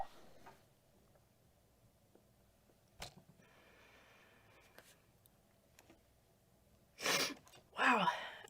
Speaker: think I just sneezed out demons